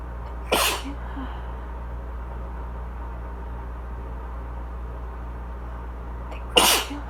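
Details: Two forceful, sharp sneezes several seconds apart over loud air conditioner hum, from a person with asthma, drier cough, congestion and watering eyes in spring; allergic sneezing.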